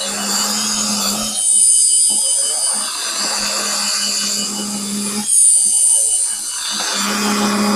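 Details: Simulated placement of a Swiss bone-level implant in a model's left mandibular first molar region: two bursts of high-pitched drill whine with a steady low hum between, as the final 4.8 mm drill completes a 12 mm osteotomy.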